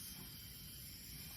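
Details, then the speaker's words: Jet nebulizer with face mask on a simulated patient in a sim lab: steady, even hiss of gas flow while still running. "This is going to go for about, you know, 10 to 15 minutes and then, um, after it's done, you'll start hearing it make a sound."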